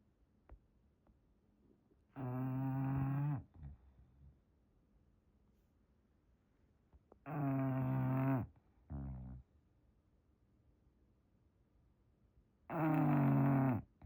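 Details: English Bulldog snoring while asleep in a blanket: loud, rough, drawn-out snores in slow irregular breaths, about 11 a minute, quiet room noise between.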